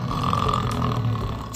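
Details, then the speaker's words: Five-year-old snoring while asleep at night: a steady, low rumbling buzz through one breath; snoring. "А знаешь у меня даже есть мечта хоть раз хоть раз уснуть раньше тебя чтобы не слышать твой конченный храм"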